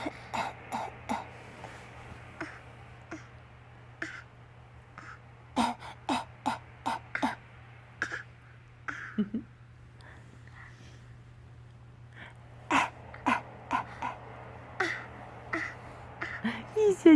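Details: Child (Ryan) makes repeated short, dry, forced coughs and throat-clearing hacks in bursts; a deliberately faked, voluntary cough.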